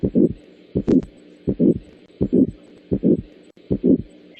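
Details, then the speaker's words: Regular heartbeat about 83 a minute with a harsh swelling murmur starting shortly after S1, loudest in the aortic area and radiating to the carotids; aortic stenosis murmur. "Aortic stenosis murmur is loudest in the aortic area, and the sound radiates to the carotid arteries in the neck following the direction of blood flow."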